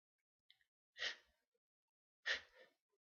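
Two sharp sneezes, each a sudden burst of air with a short trailing tail, in a quiet room.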